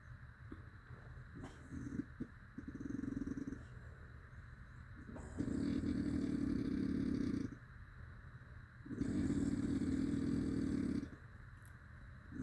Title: 5 minits of strate snoring sounding like a dirtbike